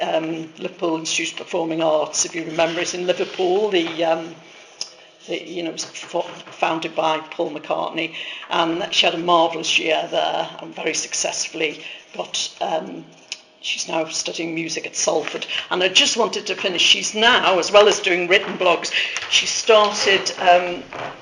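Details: Adult woman speaking; normal speech.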